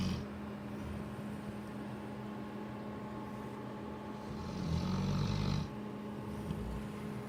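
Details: Cane Corso dog Lola, asleep, snoring: a low, rumbling snore swelling for about a second over steady room hum.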